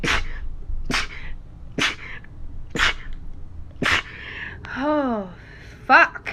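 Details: Rapid repeated sneezing in a girl: five quick, sharp sneezes about a second apart, then a short falling vocal sound and a brief exclamation.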